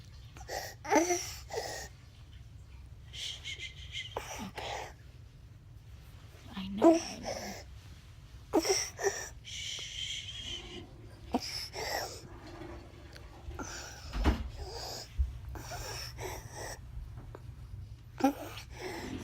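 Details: 17-month-old boy with croup, later hospitalized and given 5 treatments; harsh, high-pitched, whistling inspiratory stridor between fussy cries.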